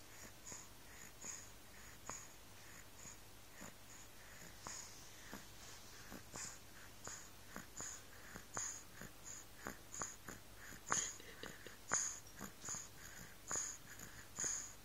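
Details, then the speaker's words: Sleepy baby with a mild cold: quiet, irregular snuffly nasal sniffs and soft whistly snores, snuffly congested breathing. "smarty snuffly thing. Got a little cold."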